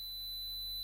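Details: Tinnitus simulation: a steady, high-pitched pure tone from software used to match patients' tinnitus sounds, with a brief voice onset at the very end.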